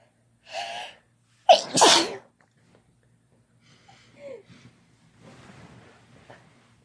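Two sharp explosive sneezes in quick succession, then softer breathy sounds and a quieter sneeze-like burst.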